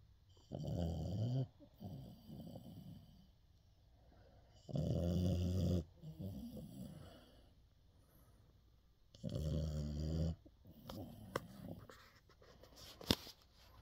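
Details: Sleeping dog snoring: deep, fluttering snores, about 14 a minute, each followed by a softer breath out.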